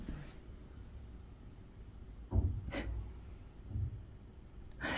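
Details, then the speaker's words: Snoring from a female sleeping deeply under blankets; snoring. "sais pas si vous l'avez entendu mais elle ronfle et elle a l'air bien"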